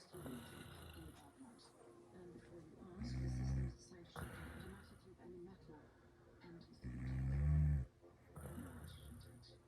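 Two loud, low, rattling snores on breathing in, about 4 seconds apart, with quieter breathing between; roughly 15 breaths a minute.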